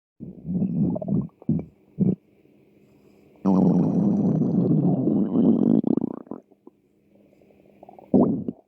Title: -Açlık sesleri-Stomach growl sounds